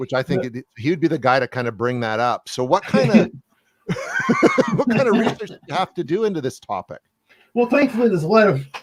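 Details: Adult speakers in conversation; typical speech.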